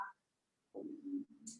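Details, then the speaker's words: Hungry adult woman's tummy rumbling while holding a yoga Sphinx pose: a low, drawn-out gurgling rumble after a brief pause, typical of an empty stomach: bowel sounds. "You can hear my tummy rumbling, I'm so hungry."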